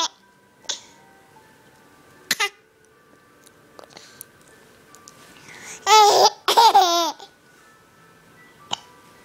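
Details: Mother and daughter hiccuping together, the mother joking that her daughter passed them on to her: several short, sharp hiccup bursts at irregular intervals with laughter in the middle; hiccups.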